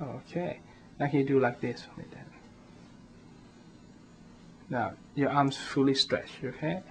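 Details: Adult male speaker giving instructions; normal speech.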